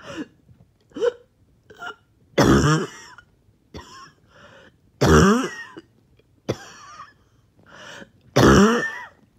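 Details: Repeated throaty coughs and gagging, choking bursts separated by pauses, about 18 a minute: a choking cough with laboured breathing after a 20-minute workout / morning walk.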